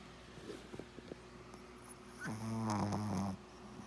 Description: Funny Dogs Snoring Loudly and Sleeping Soundly Compilation